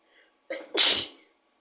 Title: Sneezing into a CD 💕